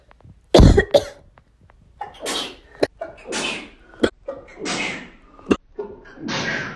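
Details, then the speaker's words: Repeated sneezing after pepper spray exposure: a run of sharp, explosive bursts with gasping in-breaths between, about six sneezes. "I have to sneeze"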